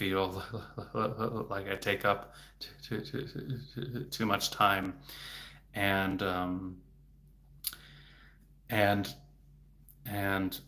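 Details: Adult male speech-language pathologist who has a stutter, speaking publicly in a livestream: stuttering.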